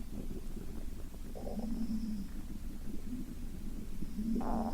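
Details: Stomach rumbling (borborygmi) in a sleeping, hungry girl: low gurgling and rumbling with short squeaky tones over steady background noise.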